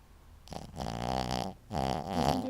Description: Betty bug may be small and cute, but when she sleeps the demons come out of her.